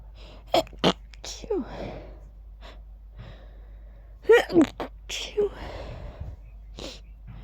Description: I tried ending them with "choos". Felt really sneezy 🤧